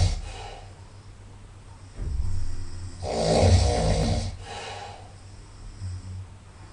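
Loud rumbling snores with a nasal, snorting quality on each breath in; nasal snoring.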